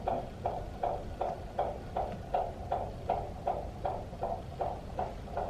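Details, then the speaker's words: Rapid, regular galloping beats at about 155 a minute over a low rumble: a strong fetal heartbeat of a baby boy at 21 weeks of the mother's second pregnancy. "You hear him? You hear him? He's got a strong heartbeat, huh?"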